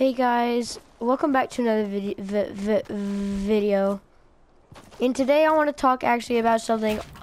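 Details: Stuttering in a male speaker; he reports it had not been much of a problem for a while but has progressively worsened.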